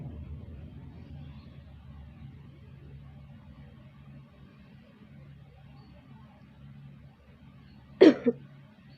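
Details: Quiet breathing, then a single forceful cough with a short second burst: nursing demonstration of voluntary effective cough after two deep breaths, to clear secretions into a sputum pot.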